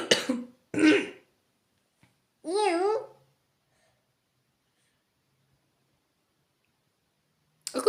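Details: Two short coughs, then a throat clear, with another cough starting at the end; cough.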